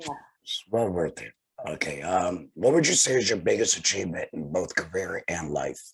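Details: Tracheoesophageal speech from a laryngectomee speaking through a TEP voice prosthesis after laryngectomy.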